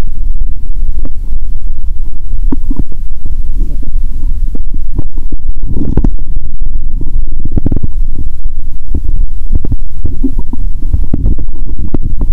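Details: Adult's own abdomen through a stethoscope after finishing all the Mentos with cola, then reporting painful, heaving, swollen belly: loud, continuous low rumbling and gurgling; active bowel sounds.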